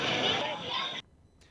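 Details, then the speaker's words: Simulated hearing loss in a crowded restaurant without treatment: dense clatter and babble muffle a voice beyond following, then cut off. "the first one is what it's like to be in a crowded restaurant with all this background noise, and then the second is what it feels like or what it sounds like to be in that same restaurant when treating your hearing loss."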